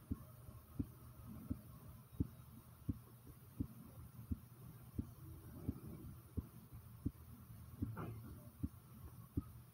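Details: The recorder's own heartbeat, which they describe as pounding rather fast: strong, regular thumps at about 87 a minute over a low steady hum.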